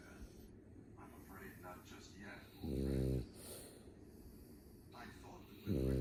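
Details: Sleeping puppy snoring: loud, deep rumbling snores about three seconds apart, near 20 a minute, with quieter breathing in between.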